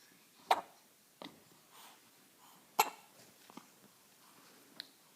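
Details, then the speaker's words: One-week-old baby girl, always nursing and constantly hiccuping: about five short, sharp, big hiccup bursts over five seconds in a quiet room. "This kid does nothing but eat and has hiccups all the time. Those are big ones."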